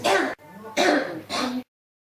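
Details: Cough that won't stop, recorded as ASMR: three harsh cough bursts in quick succession, each with a throaty, clearing quality; repeated cough.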